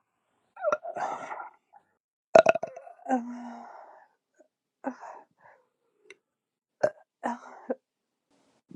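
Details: Several short voiced belches from an adult after a six-pack of beer, one drawn-out and croaky, with quiet pauses between them.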